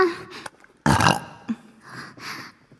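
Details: Compilation of a woman's deliberate ASMR burps: a loud, deep, rumbling burst of air from the throat, then softer sounds.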